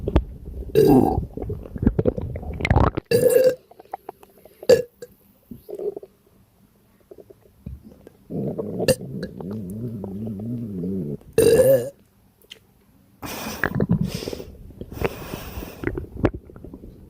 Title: Burps from my extremely gassy and upset stomach💓💓💓